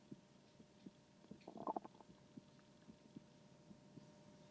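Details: ASMR recording with a stethoscope attached to a 3Dio binaural microphone: quiet background with soft clicks and one short bubbling gurgle; bowel sounds, a stomach rumble.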